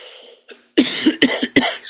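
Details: Cough during a live stream from someone with a cold: a quick run of four rough coughs in under two seconds after a brief voice sound.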